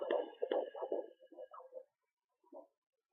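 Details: Rapid, soft whooshing pulses near 145 beats a minute on a Sonoline B handheld fetal Doppler at 13.2 weeks pregnant, applied without pressing hard: fetal heartbeat, distinct from the artery sound.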